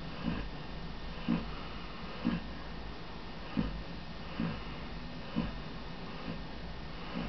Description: Bailey lies in the kitchen and snores!